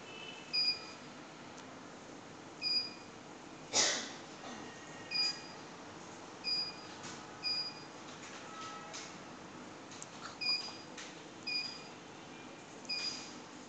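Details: CO2 fractional laser machine operating normally: quiet room with short, high-pitched beeps and clicks every second or two as it pulses.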